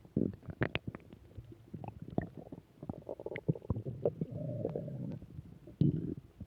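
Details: Gurgling, bubbling belly noises with a longer low growl from gas and fluid moving through the gut; ordinary stomach growling, bowel sounds (borborygmi).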